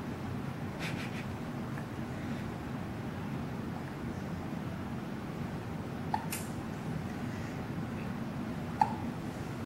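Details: Baby with hiccups on "Day 2": two brief, sharp hiccup sounds about three seconds apart over a steady background hiss; infant hiccups.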